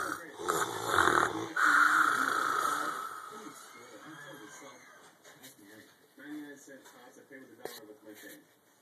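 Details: Adult man snoring while sleeping: loud harsh rattling snore fading into quieter noisy breaths, faint background sounds.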